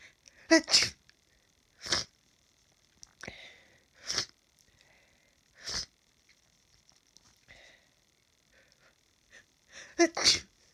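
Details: Hay fever sufferer sneezing after cutting grass, now congested: a run of about six sharp, explosive sneezes with quiet sniffs between; repeated sneezing.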